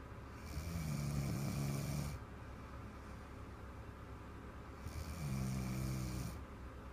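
Two deep, vibrating snores on breathing in, about four seconds apart, over steady room hum; loud snoring in a child.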